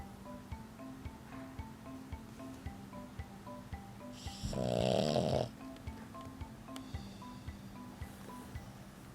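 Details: French bulldog that had surgery to widen her nostrils yet still snores while sleeping: one long, loud rattling snore over soft music and chimes.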